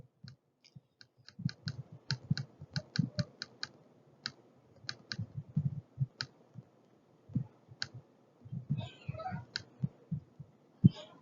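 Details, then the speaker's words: Normal heart sounds, S1 and S2, in a nursing assessment lecture: soft low paired lub-dub thumps, one lub-dub per cardiac cycle, partly masked by clicking noise. "you will hear those two distinct sounds when you're listening to the heart so the love and the dub an entire s1 plus s2 so a love dub cycle is one"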